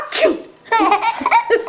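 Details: Baby laughing at a faked sneeze: a short imitated, not real, sneeze, then bright baby laughter.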